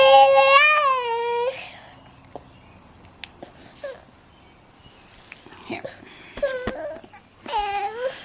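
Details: Brief tonal cry and fussy whimpers separated by quiet in a small room, from a teething baby boy who is sick and lethargic, feverish (up to 102.1°F, now 99.8°F) and only wants to sleep on his mother; cause unknown; infant crying.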